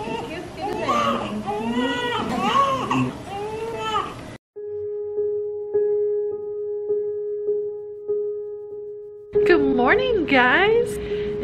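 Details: Newborn baby crying after a C-section birth at 37 weeks 2 days, following a high-risk pregnancy with gestational diabetes and hypertension; crying over piano music, followed by a steady tone and then more crying.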